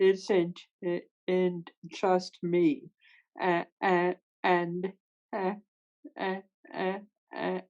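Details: Real stuttering in a woman who stutters, speaking with sound and part-word repetitions; finding: stuttering.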